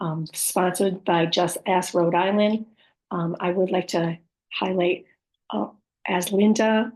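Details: Woman with post-stroke aphasia, apraxia of speech and dysarthria, who says her speech can be hard to understand at times; aphasia with apraxia of speech and dysarthria.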